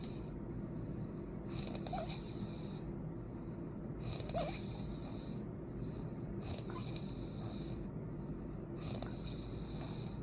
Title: Me Snoring 5